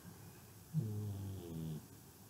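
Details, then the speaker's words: A female pug sleeping on a pillow snores once, a low rumble in two parts, with quiet room noise around it. "if you hear the snoring in the background that is my pug who always accompanies me when I am doing videos she came in today plopped herself down on my son's pillow and is happily snoring away"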